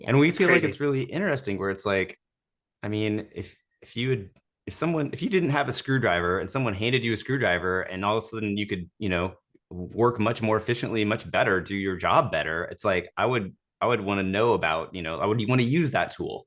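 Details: Adult male speaker; normal conversational speech.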